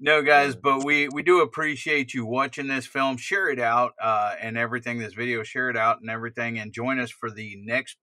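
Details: Adult man speaking; typical speech.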